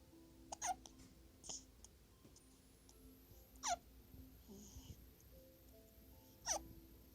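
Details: Sharp, brief catching sounds about every three seconds over quiet room noise and faint music; hiccups.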